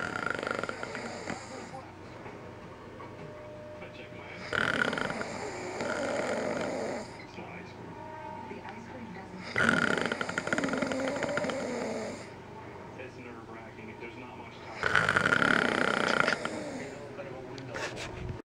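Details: A man who is feeling unwell snoring while asleep late at night: loud rattling snores on each in-breath about every five seconds, roughly 12 breaths a minute, with quiet room noise between.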